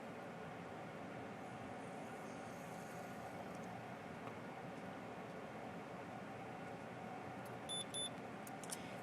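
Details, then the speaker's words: Omnipod tubeless insulin pump pod (training film): quiet room, then two short high beeps confirming the new pod has been filled with insulin, prompting the user to press Next before priming. "we hear heard the two beeps so we're going to find out what the pump wants us to do next then press the next button"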